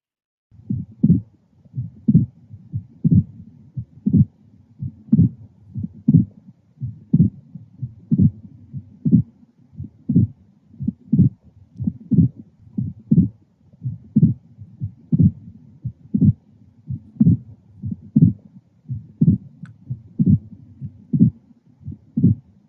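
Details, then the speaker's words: Heard with the bell, patient supine, at the left sternal border, regular rate near 60 a minute: an added early diastolic knock follows the second heart sound, a pericardial knock. "It's a diastolic sound. Remember that? Now we are going to go ahead and listen to a pericardial knock."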